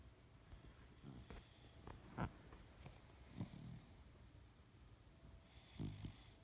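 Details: Snoring.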